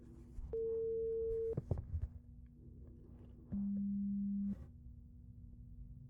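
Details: Simulated ASMR roleplay hearing examination with headphones on, pure-tone test starting in both ears: two steady one-second beeps at different pitches over quiet room noise.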